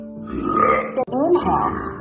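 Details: Woman (Melissa) long, deep, voiced belch that breaks briefly then continues, faint music behind; burping.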